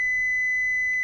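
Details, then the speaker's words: Philips HeartStart FRx AED: single steady high-pitched tone as the shock is delivered after "shock advised, stay clear, press the flashing orange button" prompts; voice then says "shock delivered". "shock delivered continue to follow the voice instructions until the patient can be delivered to the next level of care or as your protocols indicate"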